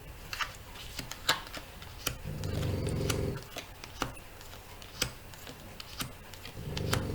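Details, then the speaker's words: A small female French bulldog snoring in the background: low, rattling rumbles in two stretches between sharp tapping and clicking sounds. "Ah, si vous entendez ronfler, c'est ma chienne. C'est Noisette. C'est un petit bulldog français, elle ronfle."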